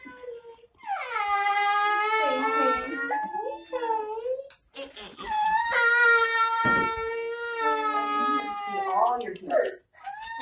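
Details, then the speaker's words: 2-year-old boy at cochlear implant activation, hearing sound for the first time, cries hard, briefly scared, then settles. "unique response he like cries real hard and then he goes okay and then he's like okay it's okay yeah right it just scares him for a second so you may see that for the next few days"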